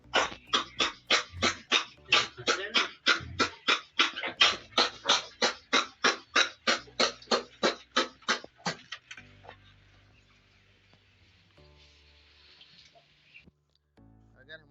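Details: Cough and labored breathing in a 1–10-day-old piglet with throat irritation: rapid, harsh, rhythmic breath sounds or short coughs fitting respiratory distress with cough.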